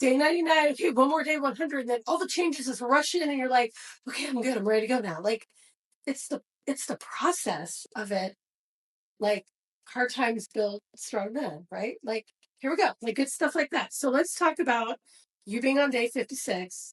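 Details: Adult speaker; normal speech.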